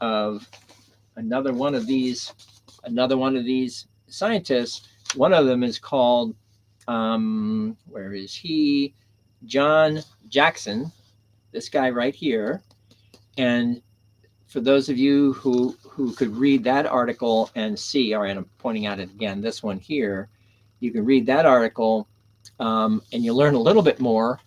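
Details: Adult man with aphasia caused by stroke; first stroke on September 26, 2011, three strokes in all. Initially could not read, write or speak well, with grammar and syntax damaged. Had seven months of formal speech therapy plus an aphasia group. About ten years later he still has aphasia, though speech is greatly improved. Aphasia.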